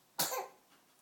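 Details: Person with hiccups: one abrupt, sharp, airy burst that fades quickly, a single hiccup.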